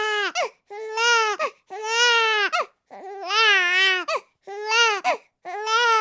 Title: [사운드샘플]아기 울음소리 The Sounds of the crying baby, sucking a baby bottle and whining of a baby |영싸파